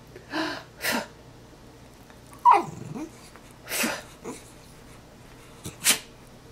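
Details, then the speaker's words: Dog Henry prompted to sneeze when the owner makes a sneezing sound, several short noisy snorting bursts of breath, repeated sneezes in a small quiet room; sneezing. "hey buddy let's show everybody how easy it is to make you sneeze"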